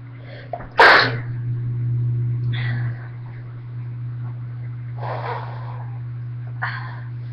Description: cold + me + camera= SNEEZING VIDEO!